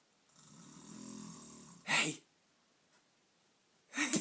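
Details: Adult woman asleep: a low, buzzing snore on the breath in, followed by short, harsh, noisy breaths; ordinary snoring.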